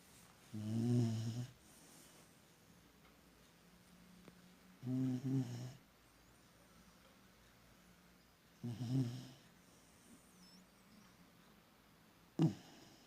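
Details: English Cocker Spaniel dog sleeping in a quiet room, snoring: low, rumbling snores with each in-breath, about four over thirteen seconds.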